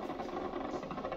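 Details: Needle electromyography of the right deltoid muscle of a patient's shoulder: dense, continuous crackling static as the muscle contracts, filling with motor unit potential firing.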